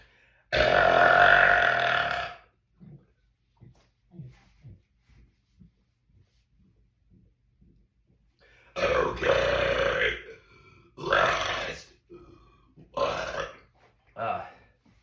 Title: Compilation of my burps